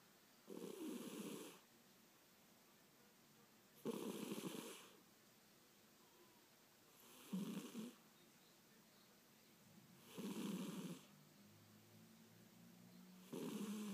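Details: A cat asleep and snoring: soft, rhythmic rattling snores about every three seconds, roughly 19 a minute, in a quiet room.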